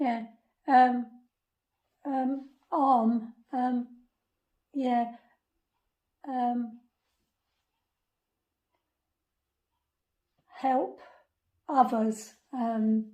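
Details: Woman with aphasia after a 2005 stroke at age 46 damaging the brain's language area, seven months in hospital; early on said only a few words, yes and no often reversed; words formed in her head but hard to get out; non-fluent aphasia.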